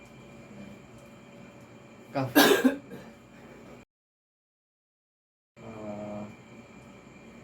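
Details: Voluntary coughing maneuver shown as a return demonstration in respiratory therapy pulmonary rehabilitation training: a single forceful voluntary cough burst after a deep breath and breath-hold, as airway clearance.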